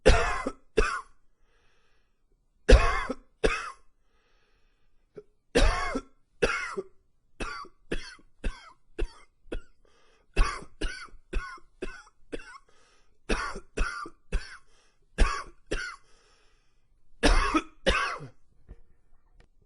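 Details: Long runs of repeated dry coughs in quick strings with brief pauses between fits; extended coughing fits, attributed to allergies triggered by cooler fall weather.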